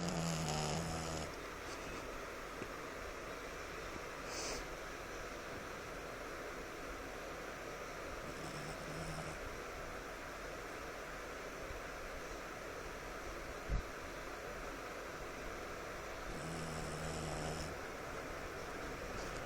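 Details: Sleeping puppy snoring, phone recording: soft, intermittent nasal snorting breaths every several seconds over steady background fan noise.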